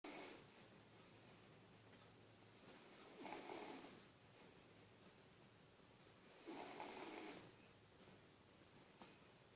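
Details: Two soft, hissing snores several seconds apart, about 15 breaths a minute, from a sleeping Bichon dog; ordinary sleep snoring.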